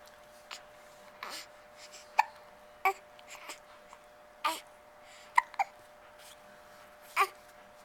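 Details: Hiccups in an infant lying in a stroller outdoors: about eight soft, sharp little catches in under eight seconds over quiet outdoor background noise.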